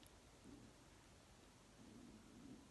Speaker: stomachs growling - can y'all hear it